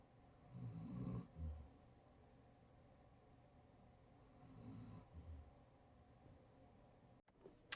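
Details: A pet that lay down and fell asleep at once, snoring in a quiet room: two low, rumbling snores about four seconds apart, ordinary snoring during sleep.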